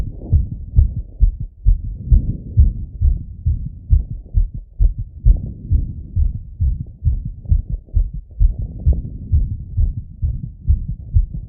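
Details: Male's own heart auscultated with a stethoscope after a workout set; normal heart sounds after exercise.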